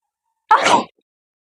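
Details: Single short explosive sneeze in an adult set off by tickling inside the nose with a thin stick during a nose-blowing and sneezing vlog.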